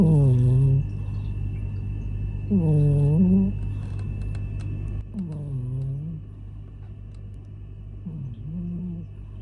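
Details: An adult male cat, asleep after tiring himself out playing, snores loudly with four droning, tonal snores about every 2.5 seconds, about 24 breaths a minute, over a low hum; snoring.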